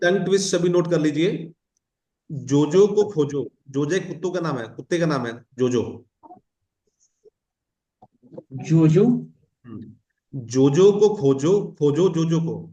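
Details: Adult man; fluent speech.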